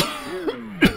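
A short acted dry cough from an adult, a brief harsh burst without rattle, over a faint tonal background.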